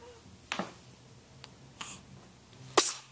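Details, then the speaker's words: Several tiny, sharp sneezes from a 3-day-old baby bird, recorded April 16, 2011, with quiet room noise; bird sneezing. "Oh, goodness, you sneeze a lot."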